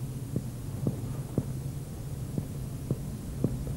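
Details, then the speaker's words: Seven evenly spaced hollow percussion taps over the right anterior chest to find the upper liver border during a teaching abdominal exam: resonant note above, then frank liver dullness below. "por eso lo primero que debe hacerse como ya lo hemos visto en aparato respiratorio es percutir el límite superior del hígado"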